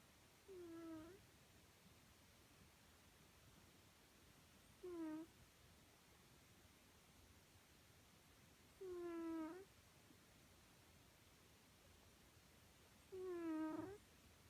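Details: Cat snoring with short, high, squeaky whistling sounds repeating about 14 times a minute.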